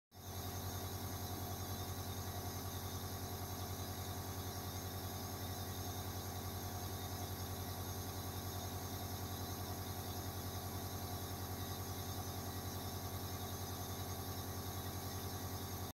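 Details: Congo African Grey parrot receiving nebulizer treatment for asthma: steady low mechanical hum with fast regular pulsing throughout, like a small compressor motor; nebulizer running.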